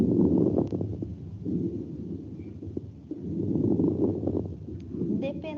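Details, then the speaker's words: Coarse crackles on auscultation, low bubbling pops over two breath cycles, like blowing bubbles through a straw in water; sign of fluid or secretions in larger airways, nursing semiology teaching example. "já uma crepitação grosseira ela lembra um som bolhoso como se tivesse fazendo bolha com o canudinho dentro de um copo de água vamos ouvir essa crepitação grosseira"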